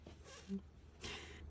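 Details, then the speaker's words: Dog named Bingo snoring while asleep: soft, raspy breaths with a brief snort-like nasal tone between them over low room hum, picked up while sewing. "Why did the snoring come this time? Bingo is sleeping right now, and Bingo snores quite a bit, so I think the sound of Bingo's snoring might get in here like this ."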